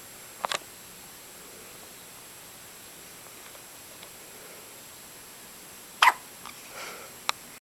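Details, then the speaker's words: Baby with hiccups: brief sharp catches, about three in several seconds, against a quiet room. "Have you got the hiccups?"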